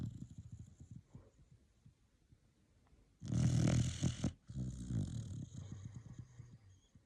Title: Snoring puppy. 4 months old. So sweet.